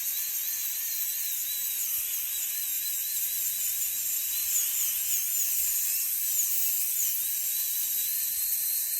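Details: Live patient, root canal therapy of tooth #19 through a PFM crown: continuous high-pitched whine of a dental high-speed drill, wavering in pitch while cutting through the crown to reach the pulp chamber.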